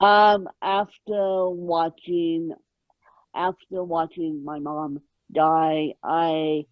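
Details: Adult woman born with moderate ataxic cerebral palsy, which she places mid-spectrum, caused by lack of oxygen at birth; ataxic dysarthria in cerebral palsy.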